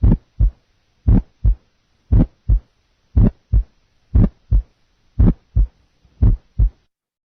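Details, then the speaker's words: Simulated regular heart sounds near 58 per minute with a pulmonic ejection sound, an early systolic click, compared against a single first heart sound. "okay so uh the pulmonic ejection sounds pulmonic ejection sound compared to the single first sound single first sound pulmonic ejection sound ah"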